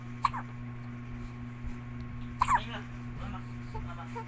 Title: baby hiccups